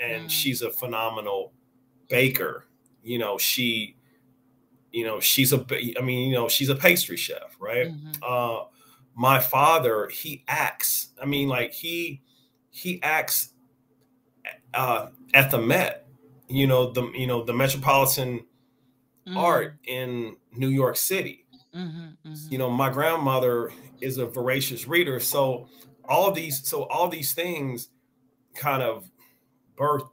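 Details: Adult with stuttering present since age five or six, noticeable over extended conversation; word and phrase repetitions heard; stuttering.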